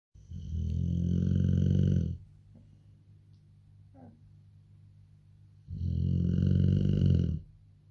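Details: Bullmastiff mother and her son snoring while asleep: two loud, rattling, low snores on the in-breath, about five seconds apart, with quiet breathing between.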